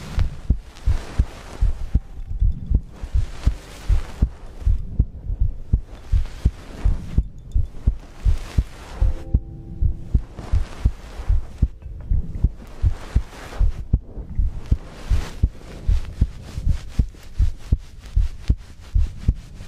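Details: Regular, low heartbeat thumps recorded as ASMR with breathing, under loud rushing breath noise; a normal heartbeat.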